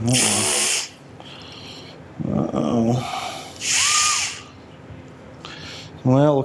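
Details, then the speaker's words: Cranial drill making a burr hole during a NeuroPace RNS implant for epilepsy, likely with a 14 mm round bit: bursts of high-pitched motorized whine with pauses between runs, not yet fully through the bone. "alright so again usually I will after I open up the skin I'll come back and make sure that my trajectory lines up so that my burr holes gonna be in the right spot"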